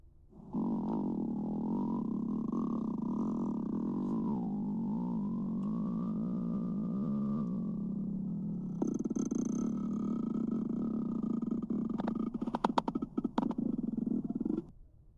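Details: Stomach growling (borborygmi): a long, low, wavering rumble with gurgling shifts and a few brief pops.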